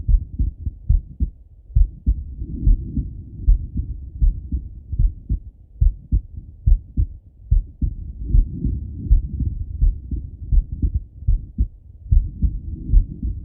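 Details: Male heartbeat by stethoscope while lying on his left side; steady, muffled lub-dub beats at roughly 70 a minute with some rustling, normal heart sounds.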